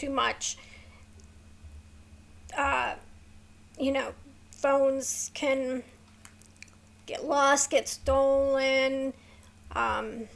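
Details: Woman with a neurological condition causing tremor of hands, voice and head, plus mild tardive dyskinesia; her throat has become sore from straining to talk; vocal tremor.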